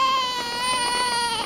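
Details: Loud, sustained high-pitched wail from a 7 lb newborn girl in the delivery room right after birth; a strong, steady newborn cry.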